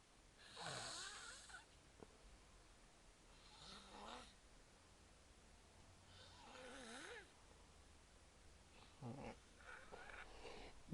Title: Snoring Fun